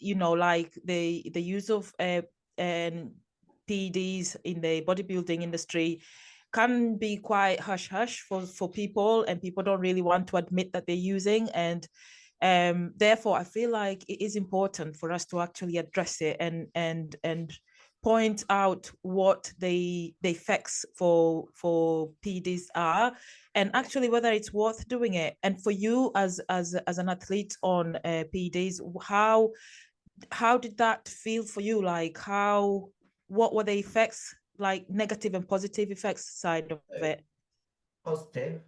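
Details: Adult woman speaking; normal speech.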